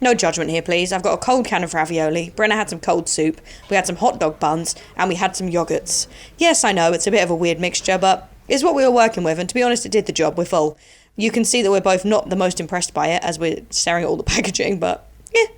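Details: Adult woman speaking; Normal speech.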